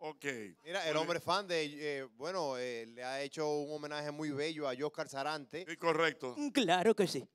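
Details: Adult male speaker; typical speech.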